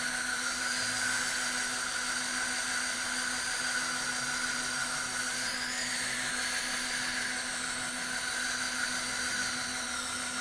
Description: Dental video showing non-surgical placement of a anterior dental implant.